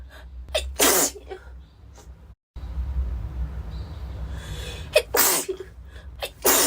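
Several sharp explosive sneezes in quick succession, separated by noisy pauses; repeated sneezing.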